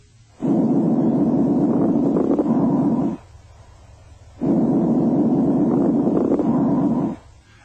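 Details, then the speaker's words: A teaching recording of crackles heard through a stethoscope on the chest. Over two breaths, brief, non-musical, intermittent popping sounds are scattered through the airflow. "crackles are intermittent non-musical and brief like dots in time fine crackles are soft high-pitched and very brief and often accompany congestive heart failure"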